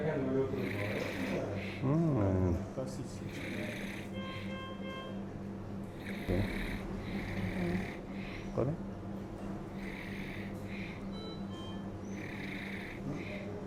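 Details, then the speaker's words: Adult under sedated sleep endoscopy, with over 50 apnoeas per hour on polysomnography, giving loud, irregular rattling snores; soft palate, lateral pharyngeal wall and tonsils involved: snoring with severe obstructive sleep apnoea. "Navbatdagi bemorimiz xurrak otish bo'yicha va apnoye bo'yicha kelgan. Bir soatda 50 tadan ortiq apnoyesi bor somnografiyasida. Nafas to'xtab qoladi, shuning uchun sleep endoskopiya qilamiz,"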